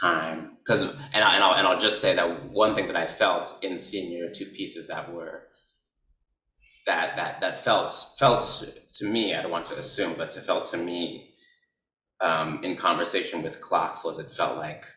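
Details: Adult man, an artist who stutters, speaking with repetitions: stuttering.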